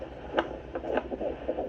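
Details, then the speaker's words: A fetal heartbeat heard for the first time on Doppler, with a rate of 120 to 160 and accelerations up to 180, described as strong. "120 to 160 with accelerations up to 180 strong kay heart si baby"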